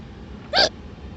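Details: Hiccup: a single sharp, short hiccup from a person in a car after eating at a buffet, over quiet car noise.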